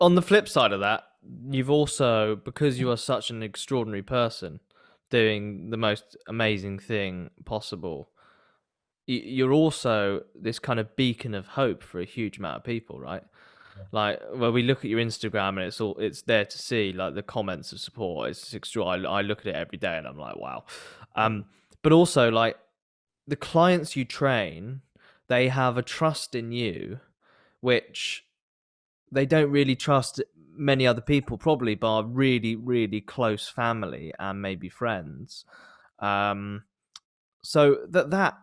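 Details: Adult male speaker; normal speech.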